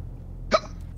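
A single short, sharp voiced catch over steady low background noise: a hiccup.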